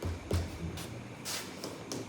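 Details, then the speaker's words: Dull percussion note while percussing the chest upward from below to map a pleural effusion, indicating fluid or a mass, contrasted with resonance. "Esto indica la presencia de líquido o de alguna masa, mientras que esto de aquí se llama sonoridad."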